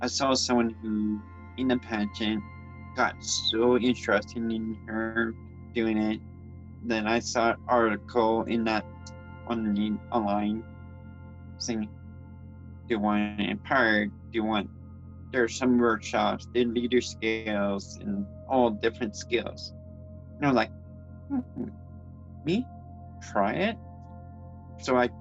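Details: Adult transgender woman with congenital cerebral palsy who reports speech issues and grammar difficulties: speech impairment associated with cerebral palsy.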